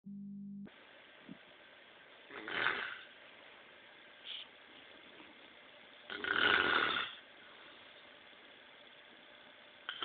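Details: Two loud, rough snores about four seconds apart over a steady background hiss during sleep; ordinary snoring.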